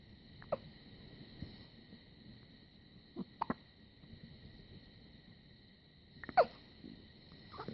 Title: Baby hiccups